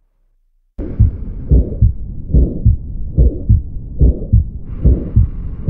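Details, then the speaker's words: Aortic stenosis demonstrated in a cardiovascular examination: harsh ejection systolic murmur at the right second intercostal space, radiating towards the carotids, between the heart sounds of a regular heartbeat near 72 per minute. "so the Mar in this area the second left right second inter Coastal space so after that the marmar radiates towards the kot so if there is any radiation so we have to ult it in the koted area so if there is the radiation of the towards the kot it is suggestive of the aortic"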